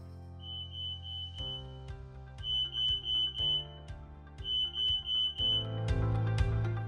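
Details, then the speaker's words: Repeated high-pitched electronic beeping in bursts over soft background music: the bed exit alarm of a Hillrom CareAssist med-surg hospital bed with three sensitivity levels, shown for simulation lab use. "this kosis bed has the optional integrated scale as well as a bed exit alarm with three levels of"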